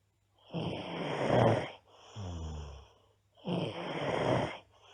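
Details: Loud, harsh rattling snores on each in-breath with softer hummed out-breaths, from a girl snoring heavily during sleep.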